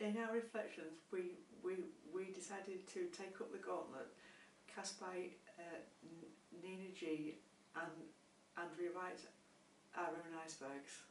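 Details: Adult who stammers, with word repetitions; stuttering.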